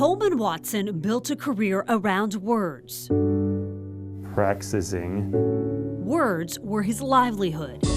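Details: Adult news narrator; normal speech.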